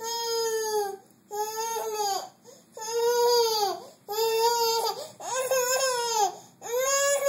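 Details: Infant crying: repeated strong, clear wailing cries separated by brief breaths.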